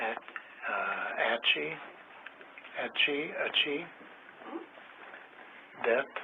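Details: Person with a language disorder associated with cognitive impairment doing a picture description task, given as an example of a disorder different from the one just discussed; language disorder with cognitive impairment.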